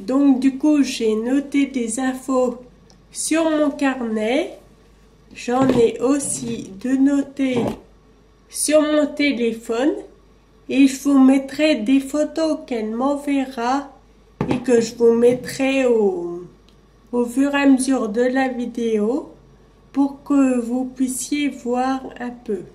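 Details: Ataxic dysarthria in a 27-year-old woman with Friedreich ataxia, a genetic neurodegenerative disease.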